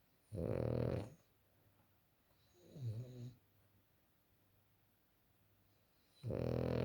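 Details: French bulldog snoring: loud, low, rattling snores roughly every three seconds, with a softer fluttering one between; heavy snoring in a flat-faced dog.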